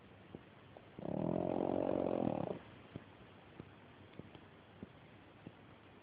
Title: Pug Layla snoring